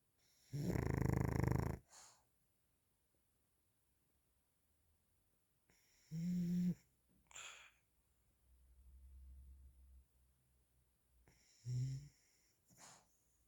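Loud, rough snores come about every five to six seconds, roughly 11 breaths a minute, with quiet pauses between them.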